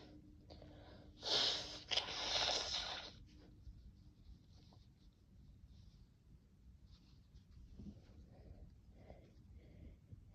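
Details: Two loud, hissing bursts of sneezing after a new vial of Chhinkni, then quiet breathing and sniffing in a small room.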